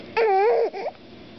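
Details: Baby girl during tummy time gives one short, loud infant cry with a clear, tuneful wail, then a brief softer whimper, in a quiet room; infant cry.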